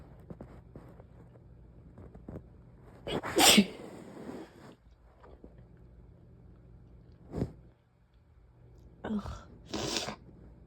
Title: these sneezes won’t give me a break